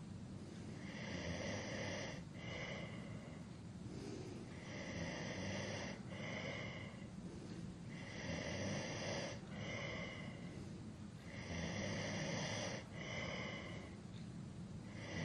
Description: 3 hours of a male snoring to help You sleep better at night.